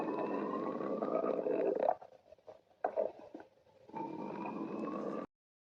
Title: Just a stomach growl remake.